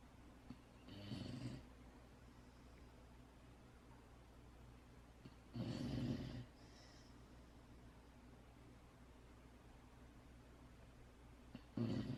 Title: Puppy snores